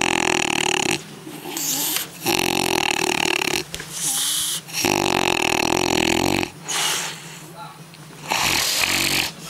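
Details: Heavy snoring from a man at a 2007 scooter rally: loud, rasping, rattling snores in long bursts of several seconds, separated by short quieter pauses.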